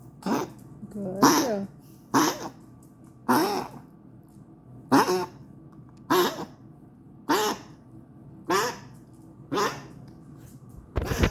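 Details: Female dog coughing: about ten short, harsh, slightly honking coughs in a steady series, roughly one a second, with quiet pauses between; repetitive cough.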